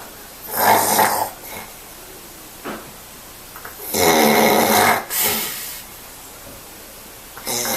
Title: Loud Snore 3